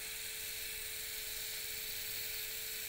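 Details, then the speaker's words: Surgical drill during hammertoe correction with a PIP implant: steady high-pitched whirring as the smaller cannulated drill runs continuously over the K-wire, which is steadied by thumb and long finger. "now with steadying the k wire with my thumb and long finger i'm going to bring the smaller drill into place and again watch the laser line and"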